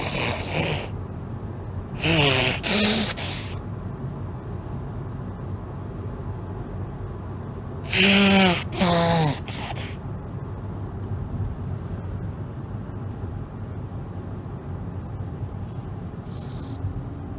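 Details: A woman with a cold, with a very runny, itchy nose, sneezing in a car: two pairs of sharp, voiced gasping in-breaths, each building into a sneeze, with car noise behind.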